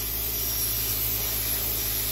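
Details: Podiatrist grinding the thick yellow fungal toenail of an adult female patient with a water-spraying nail grinder: steady high-pitched grinding hiss with low motor hum.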